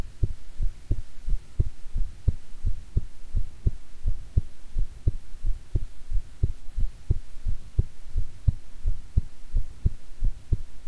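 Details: Heart recording after a meal with stomach growling from digestion: regular soft double thumps about 88 a minute under a steady hiss; an ordinary heartbeat.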